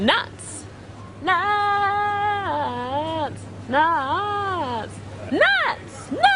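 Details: Vocal tics from Tourette syndrome, a neurological condition causing involuntary words and actions, in a woman who finds it very difficult to control; involuntary repeated word.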